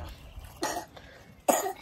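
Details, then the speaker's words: Two short, dry cough bursts from an adult woman with an intermittently hoarse voice, recovering a few weeks after surgery; no rattle or wetness: dry cough. "My voice is in and out. So sometimes I sound good, sometimes I sound like a little hoarse, but I do kind of got like a dry cough."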